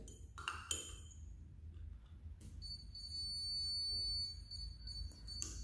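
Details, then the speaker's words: Woodpecker EndoMatic cordless endo motor with integrated apex locator, demonstrated on a simulator: electronic beeps as the file moves deeper into the root, then a continuous alarm tone when the file tip reaches the apical foramen. "then slowly move into the deep root when foul reach atal form the device will give out a continuously alen like this"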